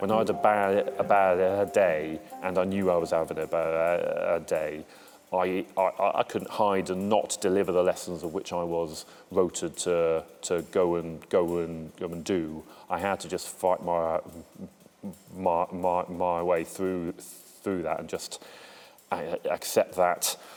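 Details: Adult male military police serviceman who stammers, speaking in an interview; stuttering.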